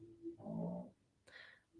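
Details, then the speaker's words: A sleeping dog in a quiet bedroom gives a single low, rumbling snore followed by a brief higher snort; this is snoring. "that's dogs and it's it's usually only Sid snoring and there's there's another one over on the bed too"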